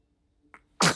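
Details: A baby boy, cooing with his parent, gives a single small sneeze: a faint catch of breath, then a sudden sharp burst of air.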